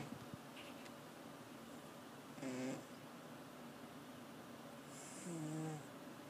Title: My 17 year old cat snoring